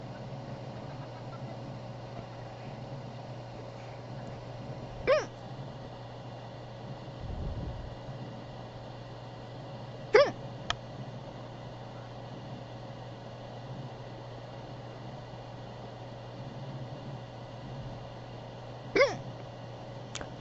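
Quiet room hum with three brief, sharp hiccup sounds spaced several seconds apart, about twelve a minute; hiccups.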